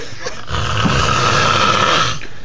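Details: Very loud snoring, reportedly going on for about an hour: one long, loud, rattling snore on a breath in, with a harsh buzzing tone.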